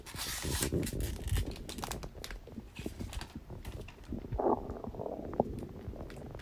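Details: Stomach growling on a birthday after eating cake, in someone who has been eating a lot in cold weather: gurgling, bubbling rumbles and squelches with a few brief squeaks; ordinary borborygmi.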